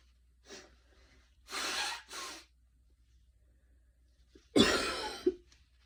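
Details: Soft breath then two short coughs and one harsher cough after a very fast 10-minute run in light rain; a brief post-exercise cough.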